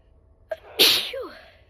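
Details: Sneezes recorded in the middle of a ride, apparently induced: a short inward catch of breath, then one loud, hissing sneeze trailing into a brief voiced exhale.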